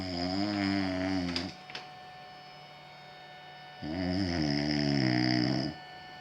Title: Shut up snoring